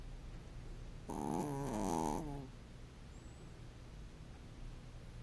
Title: snoring